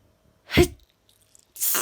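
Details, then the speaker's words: Single sharp, explosive adult sneeze followed by a breathy rush of air, caught on camera after a sudden cold weather change; the sneezer suggests the cold may be the cause. "ell so i caught it on time i was just about to turn my phone off and i started sneezing but looking i hadn't turned it off so i quit the clips on camera"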